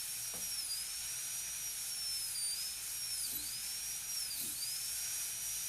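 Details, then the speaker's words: High-pitched whine of a high-speed dental drill, dipping in pitch as the burr meets the tooth, during full gold crown preparation of tooth 30, cutting the margin close to the gingiva with the burr parallel to the adjacent tooth. "Again, burr parallel to the adjacent tooth. I'm going to keep the margin as close as I can to the gingiva, keep the end of the burr right at the margin."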